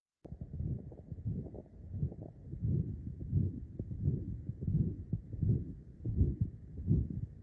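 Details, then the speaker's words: Severe tricuspid regurgitation murmur in a real patient, with the patient first breathing normally, then told to breathe in: low, muffled heartbeat about 80 a minute with a whooshing murmur that gets louder on inspiration. "this is a patient just breathing in and out here get louder [Music] and then here here it is with we're purposefully asking them to breathe in"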